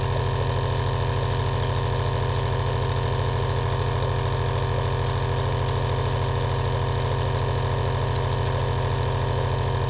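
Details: Aerosol nebulizer compressor running normally, from a 2-hour relaxing ASMR recording: continuous low mechanical hum with a fast, even pulsing rattle.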